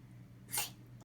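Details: Bearded dragon gasping for air with irregular breathing after his usual soak and while shedding; owner concerned, never seen before. A single sharp, hissing rush of air against steady room hum.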